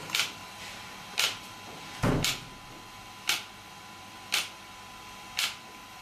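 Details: Sharp snapping clicks at about 57 a minute over a faint hum, from an ESWT shock wave therapy device used on a patient for joint, muscle and bone pain relief.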